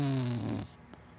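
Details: A single short, low snoring breath fading into quiet room noise from a sleeping big black dachshund–black Labrador mix dog; dog snoring.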